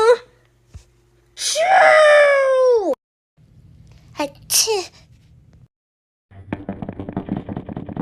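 A long, loud falling vocal sound, then a sharp, hissy sneeze burst, followed by brief chatter-like sounds.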